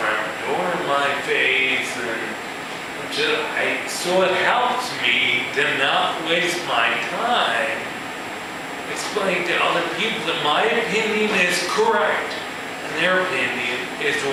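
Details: Man with ataxia, a neurological disorder in which cerebellar cells die, affecting his balance and speech; he says his speech has improved; real ataxic dysarthria.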